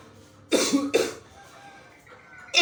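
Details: Stonemason with long-standing chronic cough: two harsh coughs in quick succession over faint background noise.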